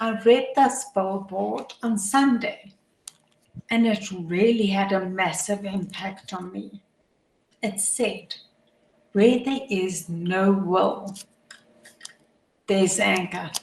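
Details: Adult woman with motor neuron disease, a progressive degenerative disease with function deteriorating daily, which she says can be heard in her voice; dysarthria (motor neuron disease).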